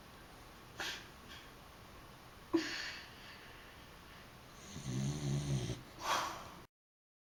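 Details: Snoring Dachshund having a hard time sleeping because of his snoring: a few soft breathy snorts, then a low rattling snore while asleep, over steady room hiss.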